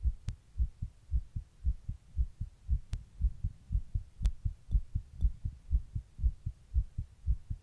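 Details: Person recording their own heart while sitting in 100-degree heat during a heatwave: quick, regular, low thumping at about 118 beats a minute with a few faint clicks; tachycardia.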